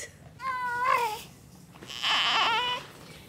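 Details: Two high-pitched, clear wails from a newborn girl, born by induction at 39 weeks (weighing 6 lb 4 oz, healthy), with steady rising and falling pitch; a normal, vigorous newborn cry.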